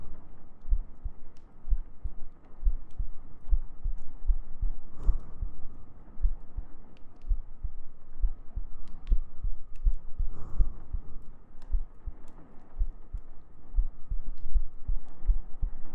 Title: ASMR Sleep Aid | Your GF Cuddles You To Sleep ♡ [Heartbeats] [Gentle Breathing] [Humming]